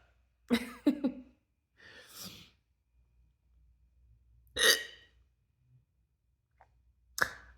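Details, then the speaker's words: Adult with a hiccup spell during a ten-minute recording, triggered by forcing a burp after two or three drinks, while sitting and talking; repeated sharp, abrupt inspiratory catches, some with a voiced yelp. "I think it was just me trying to force out a burp and it just triggered those hiccups that we love so much"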